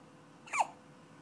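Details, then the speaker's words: Person with persistent hiccups that still won't stop: a single short, abrupt hiccup against faint room noise. "Who has hiccups? Hiccup if you got the hiccups. Oh, oh no, still got them."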